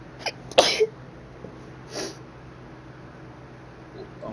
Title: small sneezing compilation